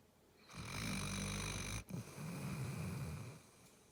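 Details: Snoring during sleep: two long, loud, rattling breaths with a brief catch between them.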